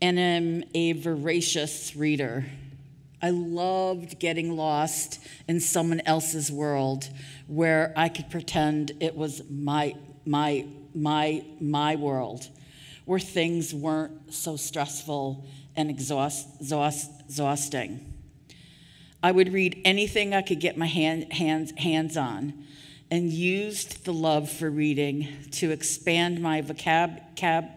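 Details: Adult woman with real stuttering speaking at a 2023 stuttering association conference keynote; part-word and word repetitions audible; stuttering.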